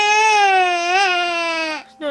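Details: Low-birth-weight child aged 1 year 3 months, formerly in NICU, crying hard before being settled to sleep by mother: loud, sustained, clear-toned wail with a brief breath pause before resuming; infant crying.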